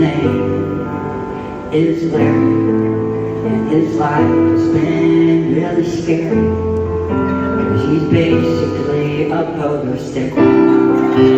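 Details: Articulation of an adult male who lost 80% of his tongue to stage 4 cancer (partial glossectomy) and was told he would never speak again; he now speaks and sings.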